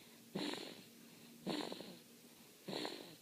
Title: Baby snores